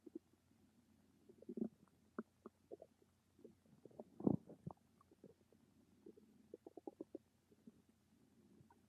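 Soft scattered gurgles and pops from the belly against a quiet background: ordinary stomach rumbling from normal gut movement.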